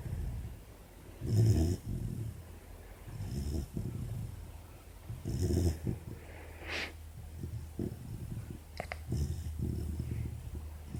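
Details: 4-month-old female Labrador puppy sleeping with an ear bud in her mouth: soft, low, rumbling snores recurring irregularly every few seconds; snoring.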